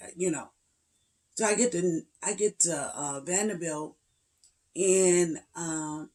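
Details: Woman aged 56 with spasmodic dysphonia and voice tremors, treated with neck injections paralyzing laryngeal muscles every three months, last a little over two weeks before; voice cracks, hard time getting words out; spasmodic dysphonia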